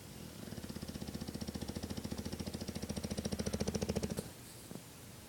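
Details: Roughly 90 lb bulldog snoring loudly while asleep: rapid rattling snore with a fast vibrating flutter, rising then stopping abruptly; heavy snoring.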